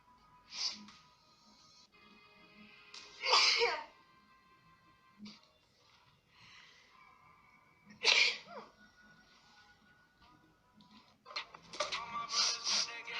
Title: NEW: German streamer sneeze often and blow her nose